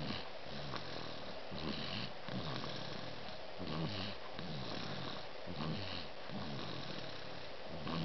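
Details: Loud, rumbling, low-pitched snores with each breath from someone sleeping during a cat-nap in a quiet room: heavy snoring.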